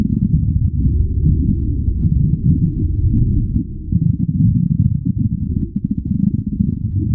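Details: Continuous low gurgling and rumbling with bubbling pops throughout: stomach growling.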